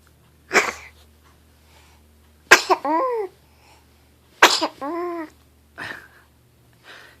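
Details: Baby girl sneezing: small, sharp sneezes, each followed by a short, high baby vocal sound, repeated a few times. Ordinary infant sneezing.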